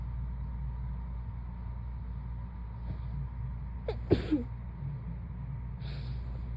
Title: Woken up from a nap to super sleepy sneezes